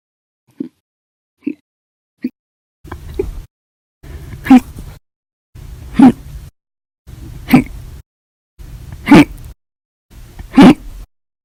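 Eight short sharp hiccup sounds, about 40 a minute: three soft ones, then five louder ones over background hiss. Repeated hiccups.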